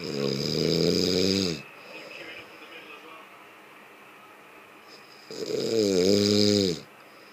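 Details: Snoring person: two loud, rattling snores on breathing in, with quiet breathing out between them.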